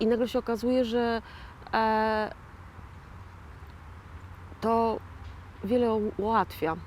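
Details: Post-stroke aphasia in a 41-year-old woman, real (not acted), who had a stroke in 2009 and calls herself a stroke survivor and an "aphasian"; finding: aphasia after stroke.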